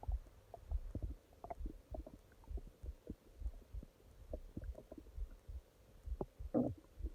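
Soft, frequent low gurgles and bubbling clicks from the belly over faint steady hum; normal stomach growling.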